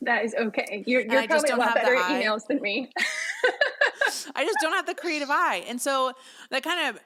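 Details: Adult woman with self-reported spasmodic dysphonia, a vocal cord spasm, heard in her speech during a podcast interview; spasmodic dysphonia.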